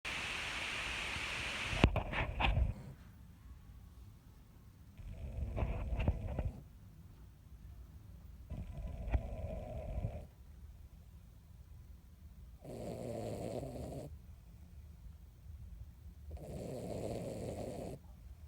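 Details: 16-year-old Miniature Dachshund napping after her weekly bath: soft, low snores recurring every few seconds, about four breaths in the stretch, over faint room noise; snoring.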